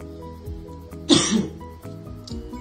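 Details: Person recovering from several days of illness, still a little sick, coughing on camera with a running cough counter; cough.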